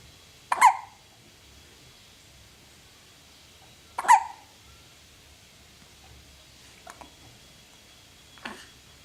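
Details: Four short, abrupt hiccup sounds at irregular intervals, about one every two to four seconds, in a quiet room; the subject turns her head; hiccups.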